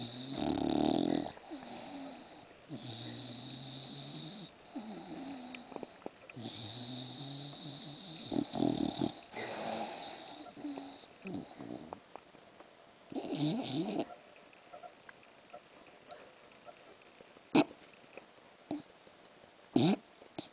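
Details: Sleeping English bulldog snoring with long, rattling, slightly whistling breaths, about one every three to four seconds: snoring.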